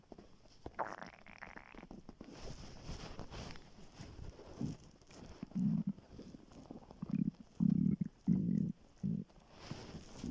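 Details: Morning hunger stomach growling (borborygmi) on waking after being very hungry; low gurgling rumbles in short irregular bursts, a normal bowel sound.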